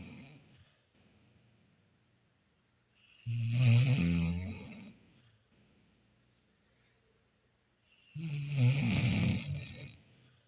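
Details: Old dog napping, one of her many daily naps, with deep, rumbling snores about every five seconds and quiet pauses between breaths: snoring during sleep.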